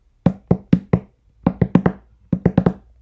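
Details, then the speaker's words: Cardiac auscultation teaching: repeating groups of up to four sharp heart sounds per cycle, a galloping beat; quadruple gallop rhythm with S1, S2, S3 and S4, linked to pressure overload such as systemic hypertension. "طب بقى عندي كوادروبريتم يعني عندي اس فور كمان يبقى"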